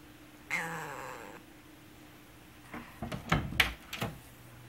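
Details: Hoarse meow (feline dysphonia) in a cat whose voice suddenly became hoarse about three days ago, cause unknown; energy and appetite normal; normally meows loudly and often.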